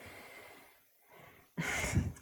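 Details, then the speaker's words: Loud, rough snorting breath from a sleeping animal (male pet) in a quiet room during a live crafting session: snoring. "I'll do the trick range with snoring can you hear him"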